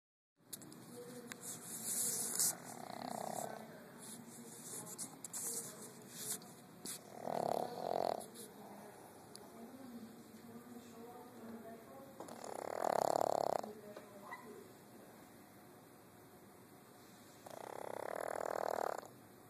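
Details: Sleeper with respiratory issues snores a little: soft, irregular snoring sounds with a few louder rasping breaths about every five seconds over steady room noise.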